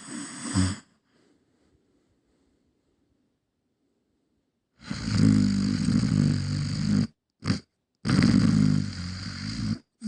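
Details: Sleeping dog snoring: loud, rattling, low-pitched snores in long noisy breaths separated by short pauses.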